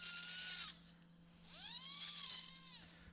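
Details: High whining surgical drill, pausing, then dipping and rising in pitch under load while cutting spinal facet bone, during live posterior cervical laminectomy and C3–T2 fusion with instrumentation in a patient with prior ACDF.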